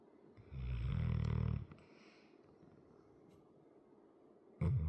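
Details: Large 100 lb muscular dog with a chronic crusty nose, asleep: a loud, low, rattling snore on one breath in, then quiet breathing before the next snore begins. Ordinary dog snoring.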